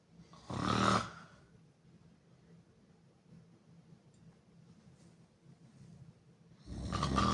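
Two loud, rough snores several seconds apart, with quiet breathing between them. Open-mouth snoring.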